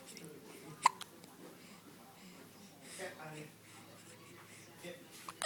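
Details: Four-day-old baby with hiccups: a single sharp, abrupt hiccup, then a faint second catch, over quiet room noise and soft voices.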